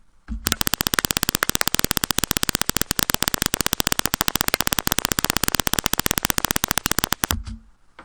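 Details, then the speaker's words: Rapid, regular, sharp crackling clicks firing steadily for several seconds: motor unit potentials from a concentric needle electrode placed closer to two muscle fibres during jitter recording, sounding sharper than a duller, more distant recording. "here's another recording with the concentric needle electrode when we are little closer to the two muscle fibers and we get a little more sharp"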